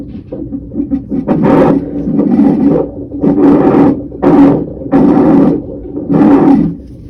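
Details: A pregnancy at 38 or 39 weeks is monitored with a labor-and-delivery style abdominal monitor during a non-stress test: rhythmic whooshing pulses over a steady monitor hum. Fetal heartbeat on Doppler.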